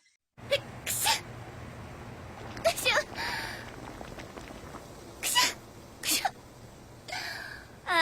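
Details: A cat sneezes four times in a quick run of short, sharp bursts against a steady room hiss; sneezing.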